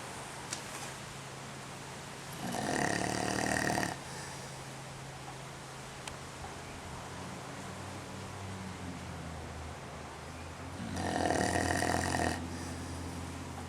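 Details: Two long, rattling snores about nine seconds apart, under seven breaths a minute, with a low steady room hum between; snorer sleeping with eyes open; snoring.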